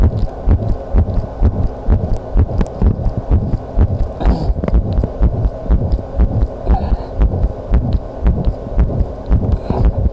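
Rapid, fairly regular low thumping heartbeat, about 125 beats a minute, under a steady wind-like rumble.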